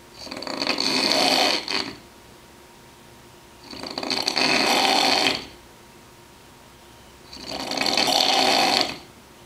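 Three loud, harsh snores, one with each breath in, at about 18 breaths a minute; steady snoring.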